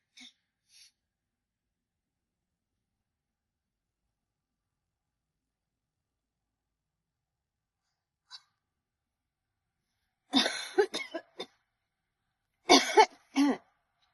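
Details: Near silence, then two clusters of short, sharp cough bursts in quick succession; cough.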